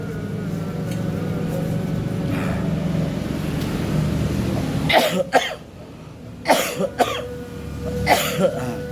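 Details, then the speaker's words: Person with a cold and phlegmy cough, taking traditional herbal jamu, gives several harsh coughs in short clusters over a steady background hum; productive cough. "Batuk batuk berdahak serio."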